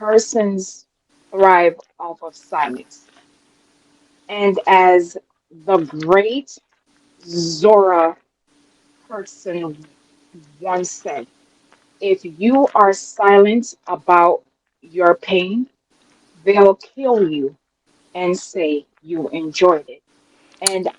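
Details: Adult woman, real, self-reported speech impediment that she calls her "disability"; speech impediment.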